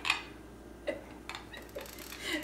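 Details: An animal grinding its teeth against a hard shell, heard as a few sharp, faint clicks and scrapes.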